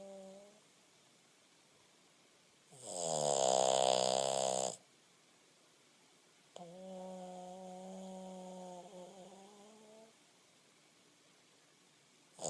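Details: Boston terrier asleep in owner's lap: slow alternating snores, a loud buzzing breath then a softer whistling one, with quiet pauses between: snoring.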